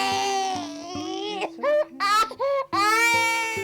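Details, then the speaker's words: A baby crying in loud, drawn-out wails broken by short gasps. This is ordinary infant crying, a normal way babies signal their needs. "Those cries and tears can be tough to bear and harder to quiet. It drives parents crazy, especially a new set of parents who aren't used to this. It's normal for babies to cry."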